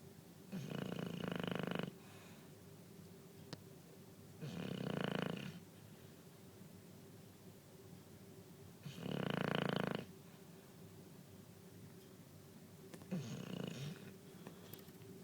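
Steady snoring, one low rattling snore about every four seconds, roughly 15 breaths a minute, over a faint steady hum.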